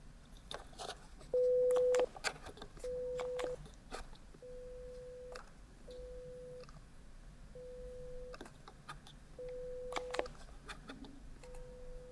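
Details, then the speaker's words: Pure-tone audiometry tones at 250 Hz, left ear, threshold 15 dB; steady test beeps in a simulated binaural ASMR hearing test. "✔️ À 250 hertz, mon seuil d'audition dans l'oreille gauche est de 15 dB."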